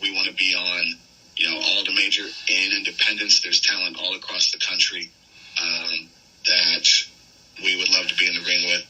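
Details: Stuttering in an adult male pro wrestler with a long-standing stutter that made him nervous about speaking; he says it disappears during promos; unscripted podcast interview speech.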